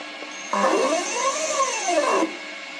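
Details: MPS Medical Pharm/Pump II quadruple-rotor peristaltic pump during fill calibration/finishing a fill: a steady mechanical whirring rising and falling in pitch for under two seconds, then stopping.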